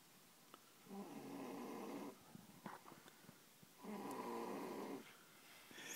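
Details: A young girl sleeping in a new bunk bed on her first sleepover gives two long, loud, rattling snores about three seconds apart, with quieter breathing between; heavy snoring in a sleeping child.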